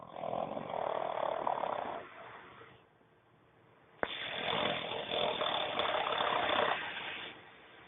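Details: Pug snoring in his sleep: long, harsh, noisy snoring breaths separated by quiet pauses.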